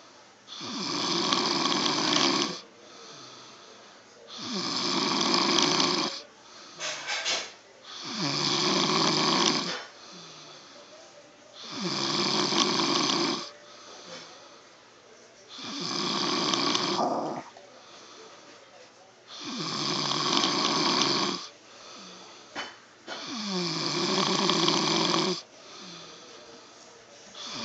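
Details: An adult man (stepfather) snoring in sleep: loud, rough snores with a burst on each inhalation, about 15 breaths a minute.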